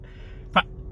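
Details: Vocal tic in an adult male stand-up comedian with Tourette syndrome, occurring during casual speech.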